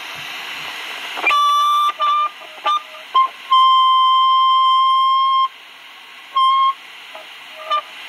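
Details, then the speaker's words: Huntleigh Mini Dopplex D500 8 MHz handheld vascular Doppler, tested after its cable was replaced during repair: steady electronic beeps and tones of varying length, no blood-flow signal. "seems to work we're gonna find out it's a bit annoying"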